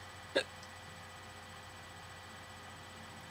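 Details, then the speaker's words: Person with hiccups after drinking soda on a hot day, holding breath and water not helping: one sharp, brief hiccup, then quiet room hum. "hate the hiccups so I hope you have an awesome day and I hope you don't have the hiccups I think I just said that man hiccups are awful"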